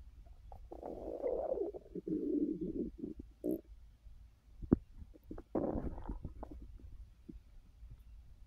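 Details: Adult resting on an overfull stomach after snacking: long gurgling and rumbling abdominal noises with short pauses; active bowel sounds during digestion after a large meal.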